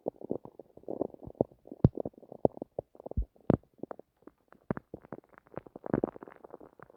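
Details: Bowel sounds at night: rapid, nearly continuous bubbling gurgles and squelches from an active stomach, recorded while trying to sleep.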